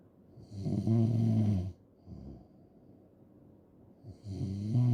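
Loud, deep rattling snores on the in-breath, with a quieter breath out between them.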